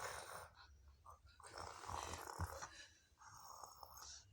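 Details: Someone told to sleep pretends to be asleep while making snoring sounds, so the snoring is faked: snoring.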